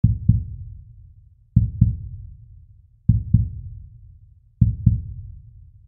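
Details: Slow heartbeat sound effect: deep, even paired lub-dub thumps repeating at about 39 beats per minute.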